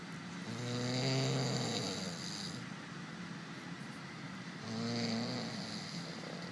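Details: Two deep, vibrating snores on inhalation, a few seconds apart, over steady background hum; snoring.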